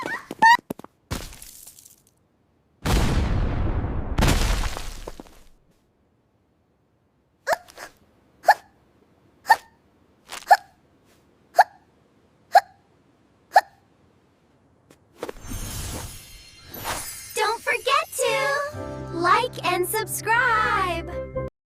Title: The Hiccup Cure